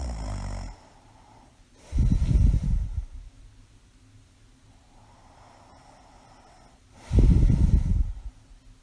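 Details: Adult with mild sleep apnea, mild asthma and a congenital heart murmur, sleeping: three low, rumbling inspiratory snores about five seconds apart, with quiet breathing between them.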